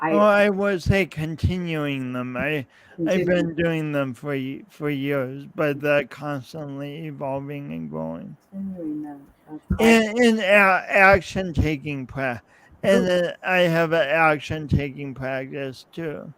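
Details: Man's real, lifelong speech impediment with coordination differences, self-described; he says years of practice may have made him clearer but the differences persist; speech impediment with repetitions and prolongations.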